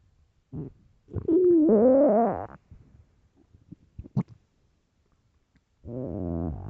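Loud, squeaky, rising growls with short gurgles between them. Ordinary stomach growling.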